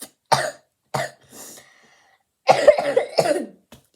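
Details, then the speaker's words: Harsh coughing fit of about six coughs in quick clusters with short breaths between bursts, recorded while talking to camera with a lot of coughing; cough. "Guys, I'm gonna call this the coughing video."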